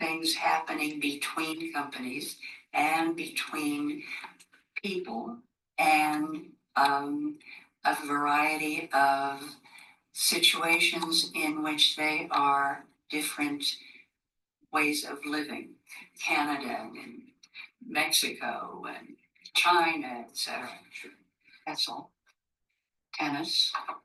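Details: Woman with the logopenic subtype of primary progressive aphasia, a gradually progressive disorder with impaired word finding and repetition; fluency preserved, circumlocution around missed words, use-for-name substitutions and phonemic paraphasias; logopenic primary progressive aphasia.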